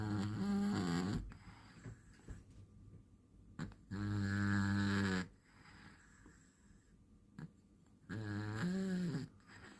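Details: Cat sleeping deeply and snoring: low, rumbling snores on each in-breath, about 15 a minute, separated by quiet out-breaths; regular sleep snoring.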